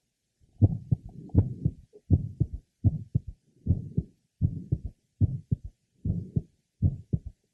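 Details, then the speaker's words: At the apex, a physiological third heart sound waxing and waning in intensity, with a short early-to-mid systolic innocent murmur; second sound normally split, widening on inspiration. "he also has a normal physiological third H sound which waxes and wains in intensity the innocent murmur is also heard here"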